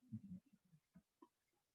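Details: Pit bull snoring in the background of a quiet room: low, grunting nasal snorts, a cluster followed by a few softer ones.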